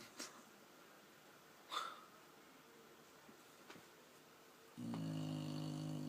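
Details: Quiet room with a few soft clicks, then a sustained low buzzing snore from a sleeping dog.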